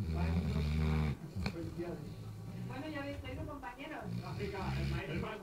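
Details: Deep, rumbling snore at the start, followed by quieter breathing noise with faint background voices; snoring.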